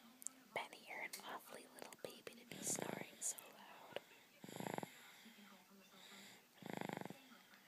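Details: Soft, rattly snoring breaths from a baby at nap time, with quiet whispering nearby.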